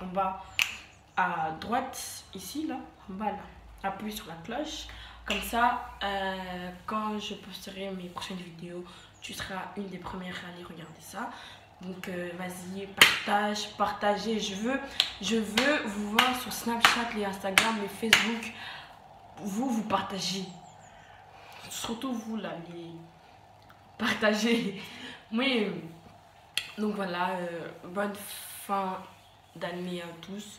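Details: Woman who says she stutters; stuttering.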